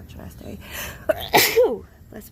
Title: Happy New Years! #australia #nature #sneezes #sneeze #sniffle #sneezing #sneezy #achoo #blessme #lol